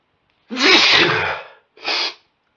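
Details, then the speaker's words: An adult with an itchy nose from warm, sunny weather gives two allergy sneezes: a long forceful one with a voiced start, then a shorter burst. Allergic sneezing. "how God my nose had been itching something terrible and the sneezes just wouldn't come so I'm gonna I'm gonna coke them out now feel so good to get them out"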